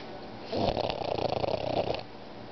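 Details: 3-year-old pug sleeping: a single rattling, fluttering snore about a second and a half long. Snoring.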